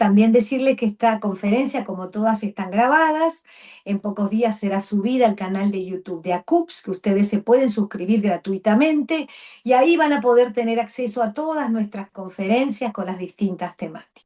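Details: Adult female speaker; normal speech.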